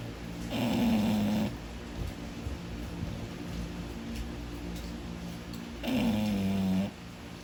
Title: English bulldog snores too much